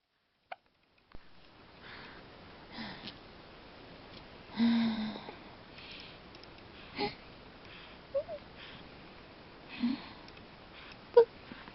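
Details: Hiccups: brief, abrupt catches in the breath at irregular intervals over quiet room noise, with some sniffing.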